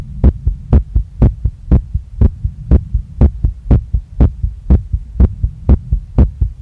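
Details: Female's heart recorded right after a workout, pounding so strongly she felt it in her chest, neck, face and stomach and saw her chest move with each beat; fast, strong, regular heartbeat about 120 a minute with clear double thumps; rapid heartbeat after exercise.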